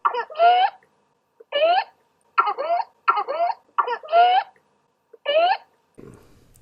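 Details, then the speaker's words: Whooping cough (pertussis), paroxysmal stage: a child's repeated violent cough bursts, each followed by a high, rising, crowing inspiratory whoop as breath is drawn in. "paroxysms of coughing cause of faust inspiration that results in the inspiratory looping from which the whooping cough gets its name"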